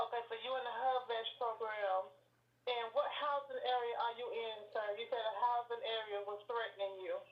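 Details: Adult woman speaking, likely over a phone line; ordinary speech.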